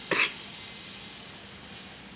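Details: Single short, harsh cough from an adult woman who has had fever, cough, headache and body pain for days, now taking antibiotics; quiet room.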